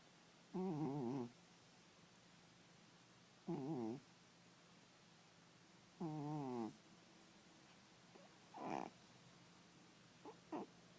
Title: Snoring Kitty